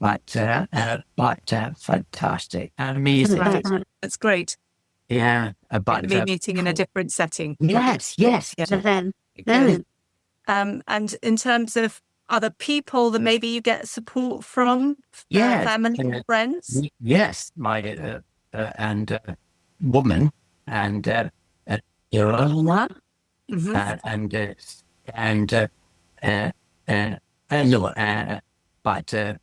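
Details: Adult man with aphasia from a stroke about 17 years ago, with difficult speech and reading unaffected: aphasia (non-fluent, word-finding difficulty).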